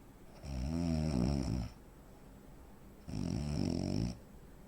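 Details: Real-life snoring of a 43-year-old man, 85 kg, 165 cm: two loud, rattling snores separated by quiet gaps; snoring with breathing pauses of obstructive sleep apnea.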